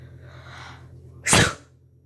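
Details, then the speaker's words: A person sneezing with eyes open: a soft breathy build-up, then a single explosive sneeze over a steady low room hum. "I could sneeze with my eyes open. So yeah. I need to sneeze right now, so let's see if I can do it."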